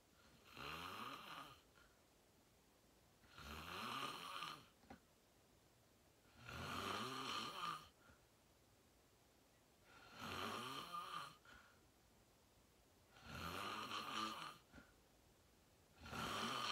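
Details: Loud snoring during deep sleep, said to have slept very well: steady, even, rattling snores on each in-breath, about 20 a minute, in a quiet room.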